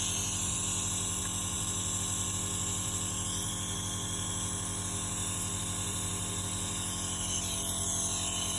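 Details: Steady mechanical hum and hiss of a nebulizer compressor running continuously, used for a baby with cough, with no breathing or cough heard.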